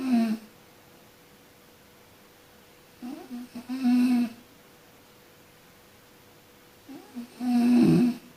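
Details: Snoring from a sleeping person: loud, rumbling snores repeating roughly every four seconds, with quiet pauses between them, in a quiet room.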